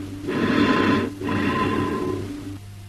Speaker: Amphoric bronchial breath sounds.